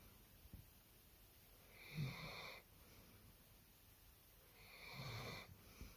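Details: Sleeping dog snoring: two slow, rasping breaths with a faint whistling edge, about three seconds apart; ordinary snoring.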